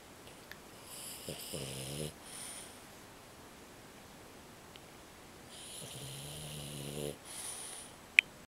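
Two loud, rattling snores on breathing in, each followed by a hissy breath out, with quiet pauses between breaths.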